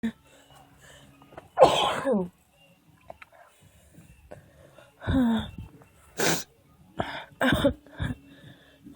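Several forceful sneezes in quick succession with short quiet gaps: a sneezing fit.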